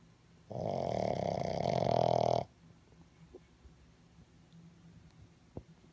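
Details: Baby Boston Terrier puppy asleep: one long, loud rattling snore lasting about two seconds, then quiet; snoring.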